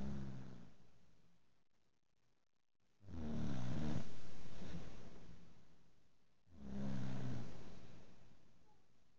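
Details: Snoring after a long day: quiet, low rumbling snores rising and fading with each breath, about two breaths heard over nine seconds.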